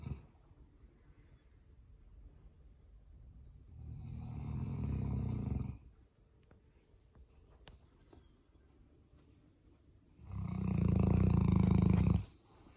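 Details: Boerboel, a large dog, sleeping in on a Monday morning and snoring: two deep, rumbling snores about six seconds apart, near 10 breaths a minute, with quiet pauses between.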